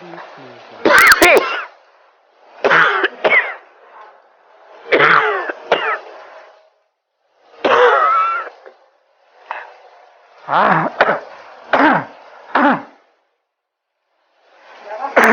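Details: Acted adult man gives repeated harsh, throaty coughs in clusters, about a dozen over fifteen seconds, portraying a persistent cough lasting three weeks suspected to be tuberculosis (TB), in a health-education skit.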